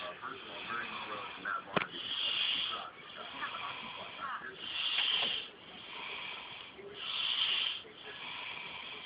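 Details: Person asleep: slow, rhythmic noisy breaths about one every three seconds, with a harsh hissing quality; snoring.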